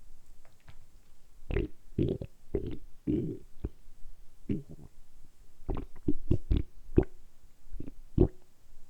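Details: Deliberately produced stomach rumbling as an ASMR recording: repeated deep gurgles and pops from the abdomen, ordinary bowel sounds (borborygmi).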